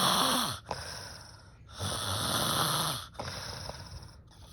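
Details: Aunt asleep: loud, rattling snores on each breath in, with hissy airflow between; snoring.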